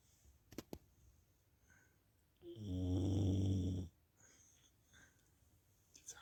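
One loud, deep, rattling snore lasting over a second in a quiet room, with a few small clicks around it. Dog snoring.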